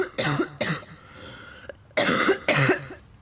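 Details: Coughing in a person who says they are very sick, voice cracky: four loud, harsh cough bursts in two pairs with a quiet pause between.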